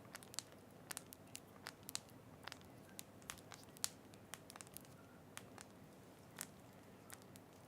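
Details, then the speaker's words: Wrist clicking from simply rolling the wrist, recorded without noise reduction with background noise; joint crepitus, followed by knuckle cracking. "my wrist sounds like a fire that's my Knuckles cracking"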